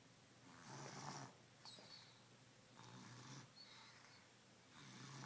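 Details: Sleeper in a quiet hotel room: slow, regular rasping snores, roughly 14 breaths a minute, with a faint whistle on some breaths; ordinary sleep snoring.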